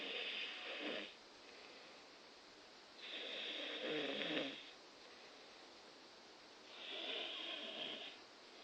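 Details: Three long, rough, rattling snores several seconds apart with quiet gaps, from a sleeping person; snoring.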